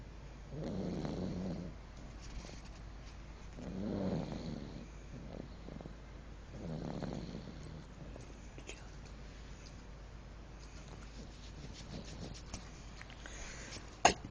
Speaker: I just was recording snoring.